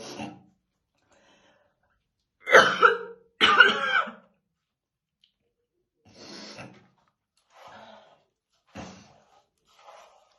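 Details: Adult woman's real, intense smoker's morning cough while slowly brushing her hair: harsh, deep bursts, two heavy coughs then weaker coughs and throat clearing; smoker's cough.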